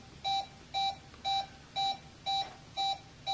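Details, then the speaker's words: Regular short electronic QRS beeps, about 120 a minute, from a Laerdal touchscreen patient monitor on a simulator, each marking a detected heartbeat once ECG leads are on; beep volume is adjustable. "also notice that we have a level of sound coming out of the monitor if you want to reduce that sound level you do that by going right here to this button"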